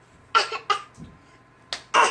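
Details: A child gives four short, forced cough-like bursts in a quiet room, a pretend voluntary cough; an adult doubts it is real: voluntary (fake) cough.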